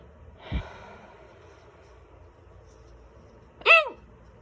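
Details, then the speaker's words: Two abrupt vocal hiccups about three seconds apart, the second loud and squeaky, in a quiet room; sudden loud hiccups after eating a small salad, lasting about ten minutes. "Just got a case of hiccups, like out of the blue, just out of nowhere. Usually if I get them, they go away pretty fast, but these seem to want to hang on."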